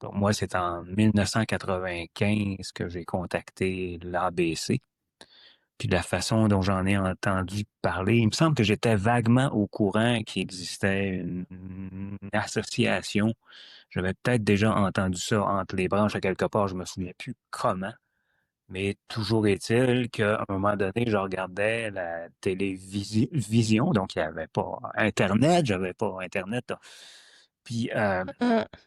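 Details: Adult man who stutters, a former board member of an association for adults who stutter, which he first contacted in 1995; stuttering.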